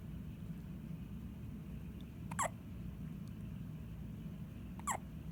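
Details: Two short, squeaky hiccups about two and a half seconds apart over a steady background hum; ordinary hiccups.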